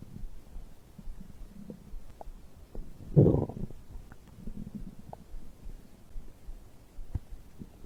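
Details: Bowel sounds after drinking a beverage: quiet low gurgles with one louder rumbling growl; normal digestive stomach growling.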